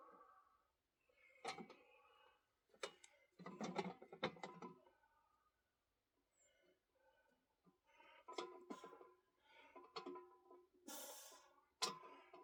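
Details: Person with cystic fibrosis during a chest workout of bodyweight dips, reporting mucus in the upper lungs and wheezing: several abrupt, harsh, loose, rattly bursts between strained effort noises, a productive cough.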